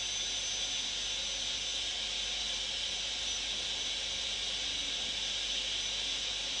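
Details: Steady high-pitched whine and hiss of a high-speed dental drill running continuously during tooth preparation for a porcelain-fused-to-metal (PFM) crown.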